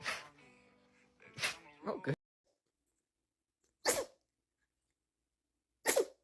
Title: Funny Animals Sneezing Compilation